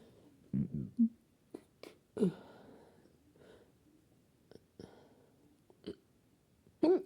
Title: hiccups after I stuffed myself like a pig